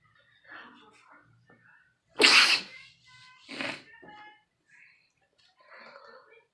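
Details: A single loud, explosive sneeze amid quiet room sounds, followed by faint sniffing and breathy noises; a person sneezing again.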